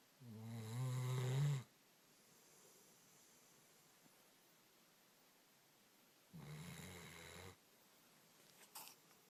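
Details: Sleeping puppy snoring about 10 minutes after a long walk: two low, rumbling snores separated by quiet breathing, ordinary snoring.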